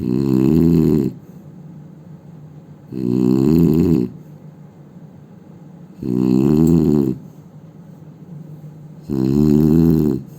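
Loud, rough snores on each breath in, about every three seconds, roughly 20 a minute, with quiet breathing between; heavy snoring.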